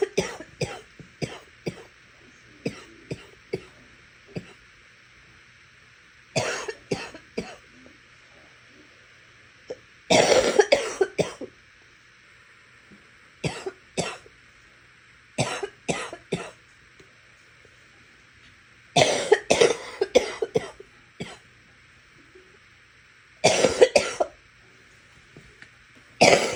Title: Wet coughing